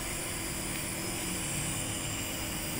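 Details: Nebulizer compressor running during about 10 minutes of nebulizer therapy for a child's cough and cold: steady loud mechanical hum and hiss as it makes mist for inhalation.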